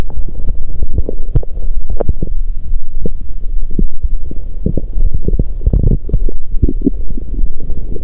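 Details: Ordinary bowel sounds from an adult woman's abdomen on day 2 of her period, after the cramping had settled. Low, muffled rumbling with irregular soft pops and gurgles, likened to a horn or tuba.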